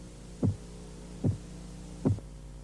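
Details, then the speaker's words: Korotkoff phase 3 during blood pressure measurement: the murmur of phase 2 disappears and three crisp tapping sounds, about 75 a minute, become louder and higher-pitched. "Durante la fase Korotkov 3, el murmullo desaparece y el sonido de los golpeteos se hace más fuerte y de un tono más alto."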